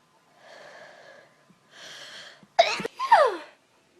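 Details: Person with a dust allergy in a dusty room (possibly a cold) sneezing repeatedly: two drawn-in breaths build up, then two sharp, explosive sneezes; allergic sneezing.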